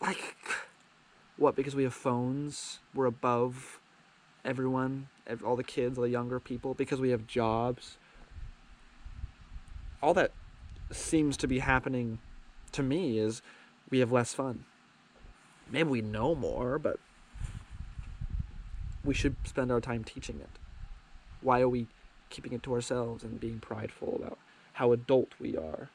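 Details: Adult man with a lifelong stutter that he calls minor, sometimes getting stuck on words, after years of speech therapy: stuttering.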